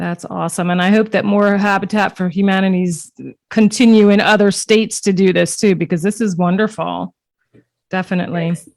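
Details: Adult woman speaking; ordinary speech.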